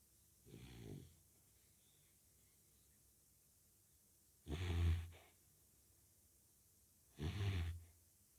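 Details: Labrador puppy snoring in deep sleep: three slow, deep rattling snores with quiet pauses between, about 22 a minute.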